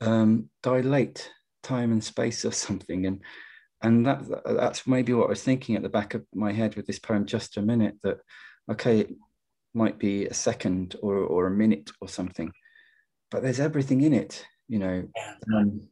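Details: Adult poet who stammers, speaking in a webinar on stammering and creativity: stammering.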